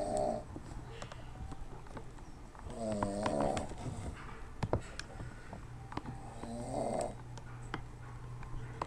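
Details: An adult man, passed out asleep, snoring: rattling snores recurring roughly every three to four seconds, with faint clicks and room noise.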